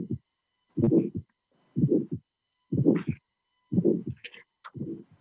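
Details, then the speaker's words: Aortic stenosis: a regular heartbeat near 60 a minute with a high-frequency ejection click just after the first sound, followed by a systolic ejection murmur. "a high frequency sound that is the ejection click that is typical of aortic stenosis, and this will be faced during the lesson today. So let me show you for the last time. Please appreciate the fact that not only we have an ejection murmur, but we have the same splitting, a click."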